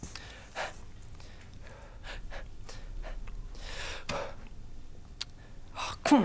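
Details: Male participant on a stammering course attempting a public-speaking challenge; stammer with speech block.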